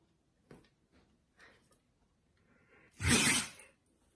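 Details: A husky gives one sharp, explosive sneeze after a few soft sniffs in a small quiet room; the owner asks whether the dog is okay.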